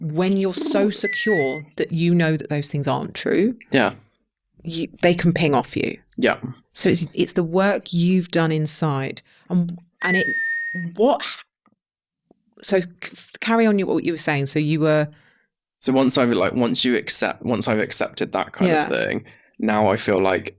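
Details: Adult man, 32, with Tourette syndrome acquired about seven years earlier, in his mid-20s, after a brain injury; occasional returning stammer; involuntary vocal tics including swearing, whistling and other interjections interrupt his speech; Tourette syndrome vocal tics.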